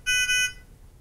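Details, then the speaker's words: Nonin PalmSAT 2500/2500A handheld pulse oximeter: brief loud electronic double beep, the audible alarm sounding when oxygen saturation or pulse rate leaves the preset range (three-beep two-beep signal repeating every 10 seconds). "either of these occurs the oximeter will sound and a three beep two beep audible signal will repeat every 10 seconds"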